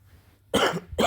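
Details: An adult man's cough during illness with sore throat, dizziness and body aches after a bad night: two harsh cough bursts, the first longer, in a quiet room.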